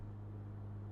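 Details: Steady low hum of a 5-litre oxygen concentrator with a built-in pulse oximeter, running normally after being switched on.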